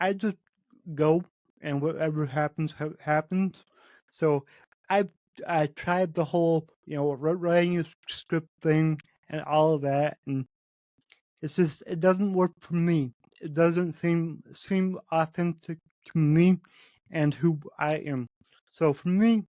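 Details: Adult man's own spontaneous speech; cerebral palsy affecting every muscle of his body; he says his speech has improved compared with 8 months earlier as his health improved; dysarthria (cerebral palsy).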